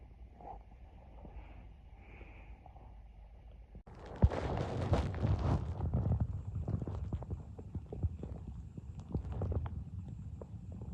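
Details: Person's empty, hungry stomach: low gurgling and growling with bursts of bubbling from the belly, typical of normal hunger rumbling (borborygmi).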